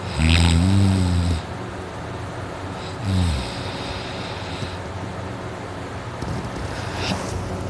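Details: Man's heavy snoring during sleep, his throat very dry and sore before going to sleep: two deep, loud, rattling snores on breathing in, separated by quieter breathing, with steady room hum; snoring that wakes his household.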